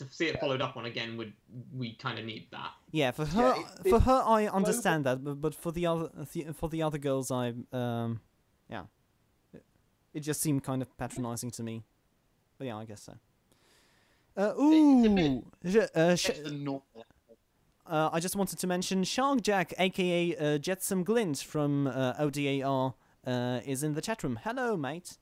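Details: Male podcast host who stammers, recording standing up in a new setup to see whether he stammers more or less; stuttering.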